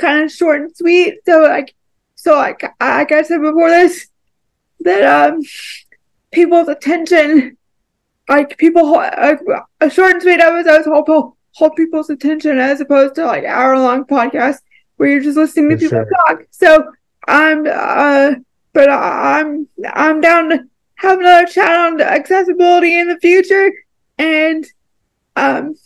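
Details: Dysarthria in an adult woman with cerebral palsy.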